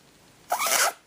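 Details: Nasal aspiration of mucus from a congested baby of just over one year: a brief wet, rasping suction sound as the aspirator draws mucus, tip wrapped in cloth so it stays shallow; baby not crying.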